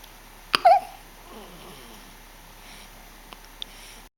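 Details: A single sharp hiccup with a brief voiced catch from someone who has the hiccups, followed by quiet room noise and faint small clicks.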